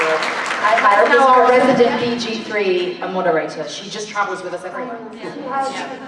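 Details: Adult woman speaking into a microphone; normal speech.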